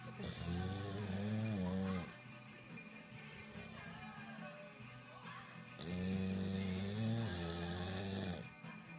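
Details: Snoring: two long, droning snores about four seconds apart with a quieter pause between, over background music.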